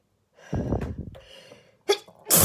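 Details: Intense allergic sneezing fit triggered by flowers, filmed on Christmas morning 2021: a sharp inward gasp followed by forceful explosive sneezes.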